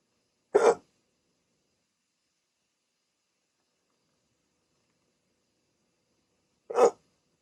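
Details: Two sharp, brief hiccups about six seconds apart in a silent room; a rare 16-minute hiccup bout after waking from sleep with a CPAP mask for sleep apnea.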